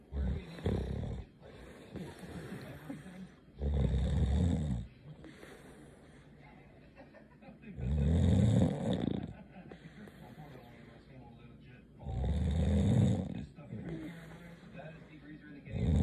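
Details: Woman snoring: loud, rough, rumbling snores on each breath in, roughly every four seconds, with quieter breathing between; heavy motor-like rattle likened to a diesel motor.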